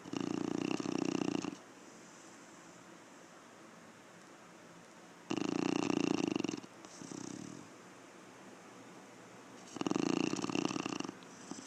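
Three long, rough, rattling breath sounds about four seconds apart, with a softer snort between them; a dog snoring.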